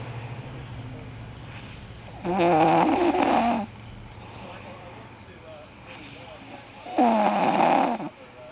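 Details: Two loud, rough, rattling snores on in-breaths, separated by quiet exhalation, over steady room noise; ordinary snoring.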